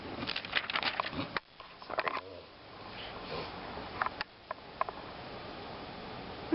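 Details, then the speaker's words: Reverse sneezing in a pet dog that has such episodes at times: rapid snorting, sniffing bursts in the background with room noise and handling as the owner goes to help him. "my dog was just um reverse sneezing so I had to go help him oh god I don't know if you can hear him in the background so he does that sometimes"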